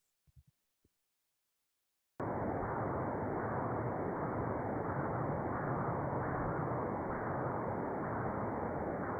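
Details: Transcranial Doppler bubble study in a 54-year-old man with an earlier negative transthoracic echo bubble study: steady pulsing cerebral blood-flow whoosh with brief added clicks, microembolic signals from a right-to-left shunt.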